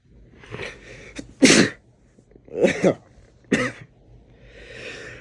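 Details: Adult man (boyfriend), possibly with a cold, having a sneezing fit: three quick, sharp, explosive bursts of air through the nose and mouth in a quiet room.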